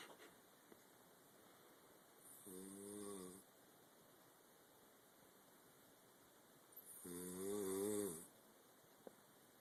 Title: Dad snoring